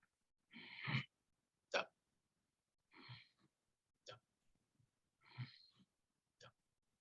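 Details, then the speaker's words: Vocal imitation of heartbeats with a harsh, throat-clearing, late-peaking crescendo-decrescendo systolic murmur in the aortic area, radiating to the carotids: severe aortic stenosis in a man in his 50s with exertional chest tightness, breathlessness and dizziness. "we are a harsh late peaking crescendo decrescendo murmur like we're clearing the back of our throat this harsh grunt travels into the neck into the carotids"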